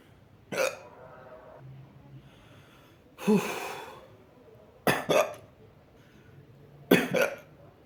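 Four sharp, abrupt gulping bursts spaced a few seconds apart, with quiet between them: hiccups.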